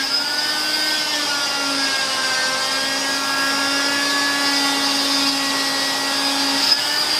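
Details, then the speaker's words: Vibrating-blade cast saw with suction cutting the thin fiberglass layer of a total contact leg cast during removal, applied gently from a lateral anterior point. Steady high-pitched motor whine with slight pitch wavering. "And you don't need to push hard. Remember, you only have a fairly thin layer of fiberglass."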